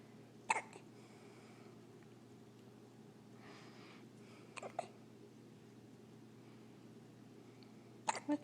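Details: Newborn with hiccups: three brief, sharp hiccup sounds, about every four seconds, over soft room hum.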